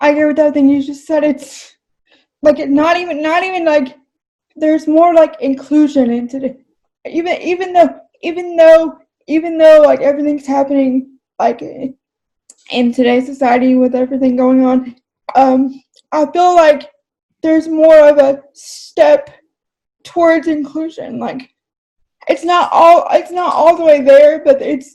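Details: Adult English-speaking woman with cerebral palsy who says talking takes a lot of effort; dysarthria.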